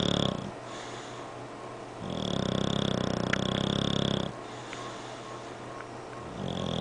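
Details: English bulldog snoring heavily: loud, rhythmic, rattling snores on each breath in, separated by quieter breathing out.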